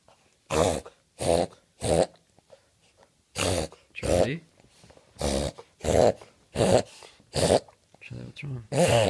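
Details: Dog (Charley Brown) making a rapid series of loud, honking snorts drawn in through the nose, a reverse sneeze.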